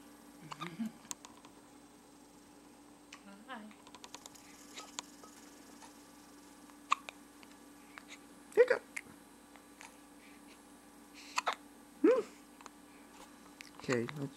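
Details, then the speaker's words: Baby boy in a quiet room: quiet, sharp catching sounds recurring every few seconds, about four in this stretch; infant hiccups. "We got our first little hiccup. Here you go."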